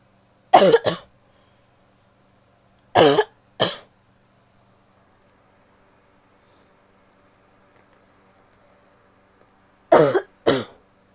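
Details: Female coughing in a quiet room: three bouts of paired short coughs, six in all, sounding fairly dry.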